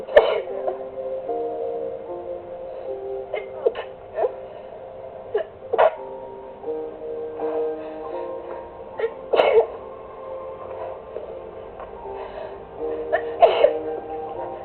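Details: Sneezing fit recorded on a phone while relaxing to music: repeated sharp sneezes, around five bursts, over steady background music.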